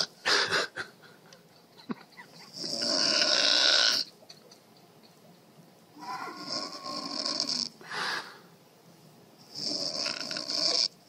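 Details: Mother snoring: harsh rattling snores with each breath, about four in eleven seconds, with quiet pauses between them.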